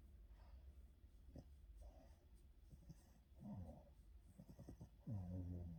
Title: Yoda the Boston terrier afternoon nap, scratches and snoring :D [Life of a Boston terrier]